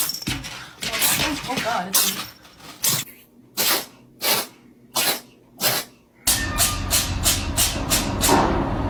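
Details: A cat sneezes repeatedly: a run of about six short, sharp puffs of air; sneezing.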